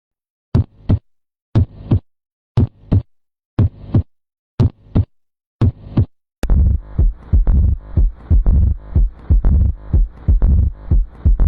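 Steady paired lub-dub heart sounds at about 60 beats a minute, followed by loud music.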